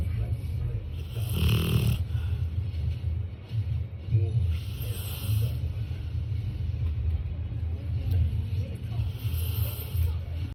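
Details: A sleeping pet dog snoring heavily: loud, continuous low rumbling snores with periodic hissy breath sounds, about three breaths in ten seconds.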